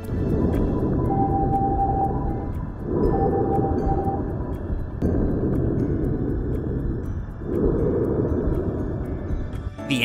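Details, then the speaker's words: Lung sound sample recorded with the Stemoscope PRO wireless stethoscope: rustling breath sounds rising and falling in slow, even cycles under faint background music. "let's listen to some samples we recorded without and with the noise cancellation the first is a heart sound sample the second is a lung sound sample"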